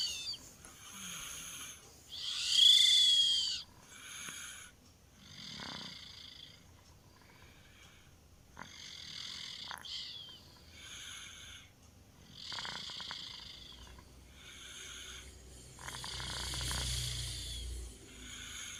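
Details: A 2-year-old child snoring in sleep: repeated high, whistling, hooting sounds with each breath.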